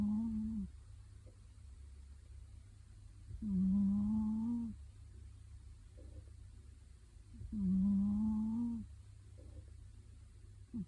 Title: Adorable cat is snoring loudly